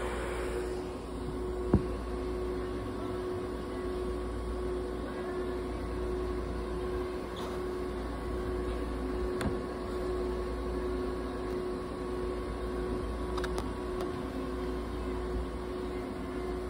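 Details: Budgerigar under veterinary treatment in an ICU incubator providing warmth, humidity and oxygen therapy: steady mechanical hum of the running unit. ICU incubator with oxygen therapy running.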